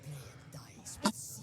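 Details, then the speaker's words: Single brief, muffled sneeze into the shoulder, possibly mistaken for a fart, over quiet video game background sound. "of me excuse that uh sneeze there that sounded like maybe a fart because it was in my shoulder"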